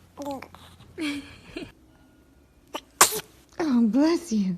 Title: TOP 10 Cute Babies Sneezing Moments - Funny Baby Video